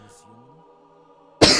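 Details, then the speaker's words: Adult gamer with a lingering cough: a cough while commentating. "As you can hear, I've still got that cough. Yay. Um one day it'll leave me."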